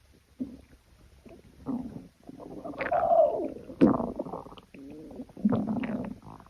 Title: stomach growl